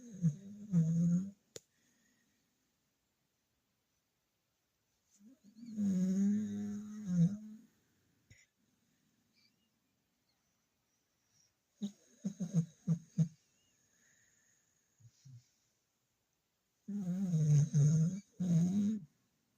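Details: A sleeping dog snoring super loud: low, buzzing snores, about twelve breaths a minute, with quiet pauses between.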